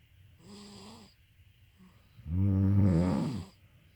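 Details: Mother and baby snoring together: low rumbling snore noises, one soft and one louder; snoring.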